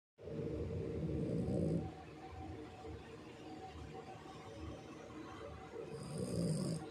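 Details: A sleeping Shih Tzu dog snoring: rough, rumbling snores with louder swells on each breath over steady low background noise.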